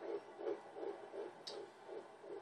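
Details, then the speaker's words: Fetal heartbeat recorded at a prenatal appointment, which the clinician remarks sounds strong. "um it sounds strong either way"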